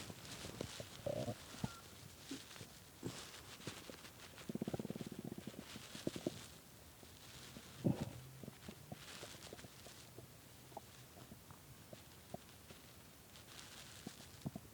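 Low gurgles, rumbles and small pops over quiet room noise; stomach growling from hunger, a harmless sound of the gut moving gas and fluid.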